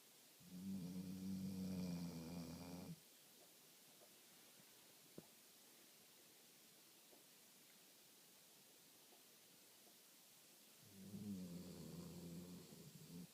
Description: old dog snoring in deep sleep